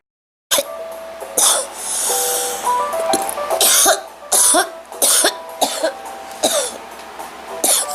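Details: Girl with a bad cold and runny nose: repeated short, harsh coughs with a wet, congested quality over light background music; acted coughing of a common cold.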